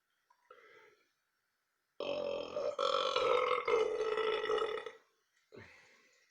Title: Burping off the doc